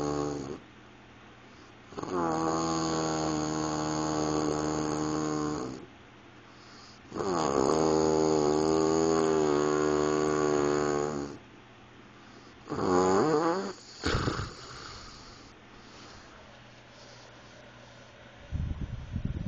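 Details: Snoring from an adult sleeping after driving about 5000 miles in 5 days: loud, long, strongly tonal snores with a humming, almost groaning quality, about 11 breaths per minute.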